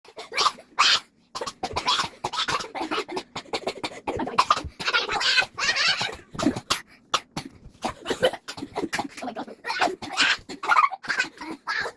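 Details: Two people coughing with rapid, repeated harsh, loud, rough bursts and short gaps, persistent throughout, coughing more after drinking salt water.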